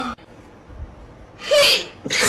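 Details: Sneeze, shown in slow motion.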